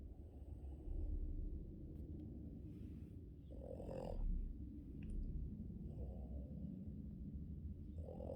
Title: Boston terrier dog Yoda loud snoring during his morning sleep